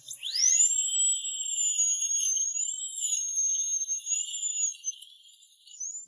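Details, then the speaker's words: Rising then steady high-pitched whine of a dental implant surgical drill widening the jawbone hole with progressively thicker bits while saline cools it to avoid heat damage to bone cells. "turned up the drill speed Everything is ready The drilling began. Now we have to gradually change to a thicker drill bit."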